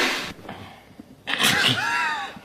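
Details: Person sneezing: a single sharp, explosive sneeze after a quick inhaled build-up, in a small room.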